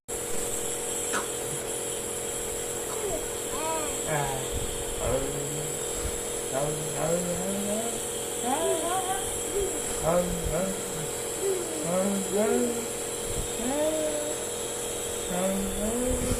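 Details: Baby with a cold and cough nebulized at home: steady mechanical hum of a nebulizer compressor throughout, with an adult voice speaking softly over it.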